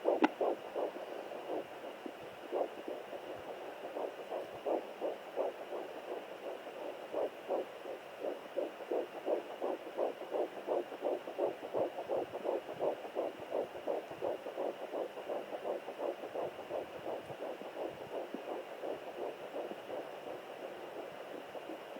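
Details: Home Doppler at 9 weeks 2 days of pregnancy: rapid, regular whooshing pulses of the fetal heartbeat, about 170 beats a minute.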